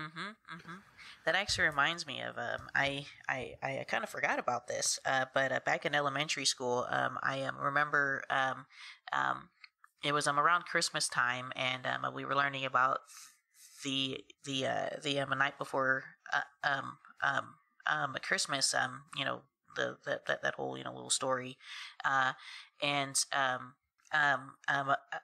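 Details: Adult woman who has stuttered since about age three; a cousin also stutters and family initially thought she was copying him; stuttering.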